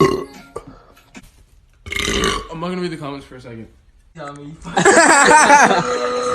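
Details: Several loud, drawn-out, gurgling voiced belches separated by short pauses; repeated burping.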